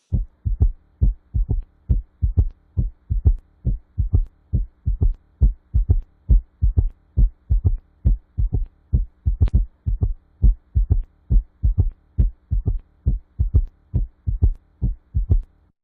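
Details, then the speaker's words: Regular low-pitched heart sounds near 68 a minute with a soft extra early diastolic sound at the apex: a left ventricular S3 gallop. "This is an S3 gallop. This is an S3 at the apex. S3 at the apex is a left ventricular S3."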